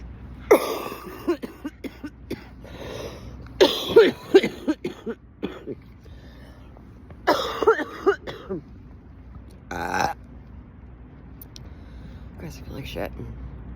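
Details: A sick adult, sweaty yet feeling cold, gives several short bouts of harsh, hacking coughs and throat clearing, with a burp-like sound near the end.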